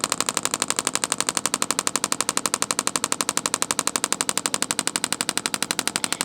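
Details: Radial shockwave therapy on an adult man's deltoid trigger point for shoulder pain: rapid, very regular sharp tapping pulses, about four per second; radial shockwave device.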